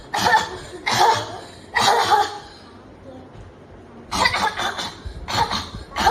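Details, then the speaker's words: Child in Mumbai, India, with habit cough (chronic idiopathic cough): about nine loud, harsh, repetitive coughs in runs with short pauses. This is the second episode. The current one has lasted three months, with coughing daily through most waking hours and the child unable to attend school. "so imagine having this going on EP mul multiple hours all day long and in this child this is the second episode of habit cuu"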